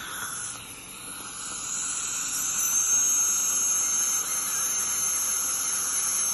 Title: Deep Dental Scaling